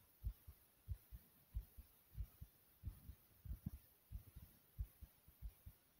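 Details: Fast heartbeat after jumping in place, with heavy breathing: steady paired heart thumps at about 94 per minute; a quickened beat after exertion.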